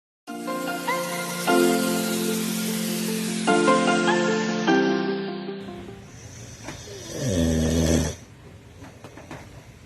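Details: Sleeping bulldog snoring: a short musical intro, then a single long, rumbling, falling snore.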